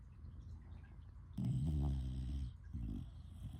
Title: #littlesnskittles Just a snoring session!!!